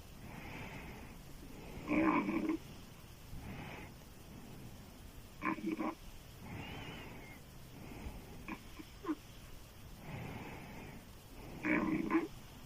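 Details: Woman's loud open-mouth snoring, described as sounding like a man's: rough, rattling snores on breathing in about every four to five seconds, softer breathing between.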